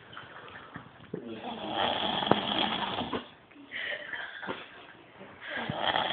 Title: snoring loud! Sleeping